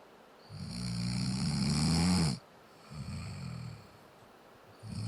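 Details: Adult man's snoring, nasal obstruction pattern, heard in a TV experiment on telling snoring causes apart by the sound itself; he is being urged to turn onto his side.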